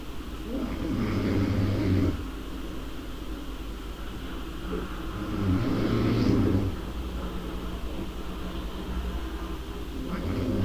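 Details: Snoring: two long, low rumbling snores on breathing in, with quieter breathing between and a steady background rumble.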